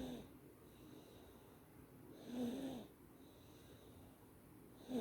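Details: Sleeping baby snoring: soft, faintly whistling snoring noises with breaths, quiet between them; light snoring.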